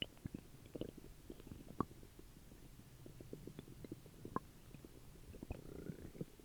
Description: My tummy was making some weird noises after dinner over six years ago